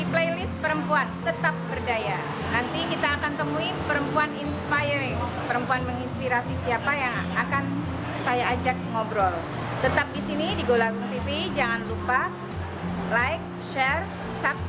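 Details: Adult female speaker; normal speech.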